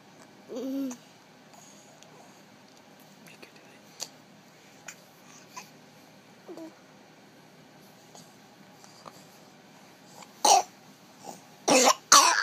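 An infant's brief coo, quiet small noises, then about three short, sharp coughs near the end.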